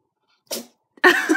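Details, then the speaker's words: One small, high-pitched sneeze from a cat while playing with window blind cords, followed a moment later by a brief vocal sound from the cat; sneezing. "a cute sneeze what you sneeze like you sneeze like a kitten yeah you sneeze like a kitten"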